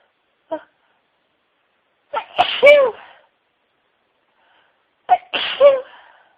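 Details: Three sneeze bursts with a short in-breath build-up before the last two, with a wet nose, part of a huge sneezing fit of over 60 sneezes with build-ups, stifles and nose blowing.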